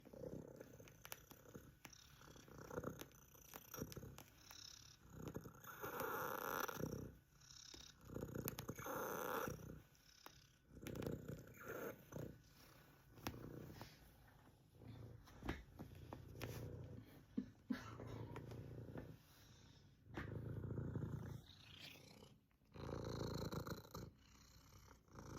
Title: Wheeze Purr! Not wheezing the juice. #cat #cutecat #catpurr #catnoise #wheeze #catlover